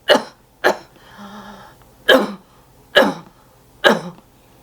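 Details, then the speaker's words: Five forceful single coughs with a deep breath between them, demonstrated by a nurse who survived COVID-19 pneumonia; a splinted cough with a pillow held against the abdomen, to clear phlegm from the lungs. "You basically take a pillow, you hold it against your abdomen, you splint it because you're holding it so that that cough can get as much force to clear those lungs out, and you just take a deep breath and you cough like this."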